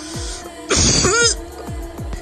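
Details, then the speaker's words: A single harsh, rough, crunchy-sounding cough burst from a child with a sore throat and warm face, over background music. "There's something wrong with my throat. I think there's a goblin in my throat cuz I sound so crunchy. I feel so crunchy."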